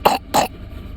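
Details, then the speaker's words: Young child's two short, loose, wet coughs bringing up phlegm, then spitting it out, after chest massage; the carer could hear phlegm rattling; productive cough. "咳，再咳，咳，深呼吸，咳，吐，哎呦，哇塞，你学会了耶，你好棒。"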